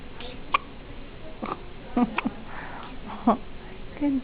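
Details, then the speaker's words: Four-day-old baby boy having a prolonged fit of hiccups, with several short abrupt catches of breath among quiet room sounds and adult voices; newborn hiccups. "You're having the most serious hiccup fit ever."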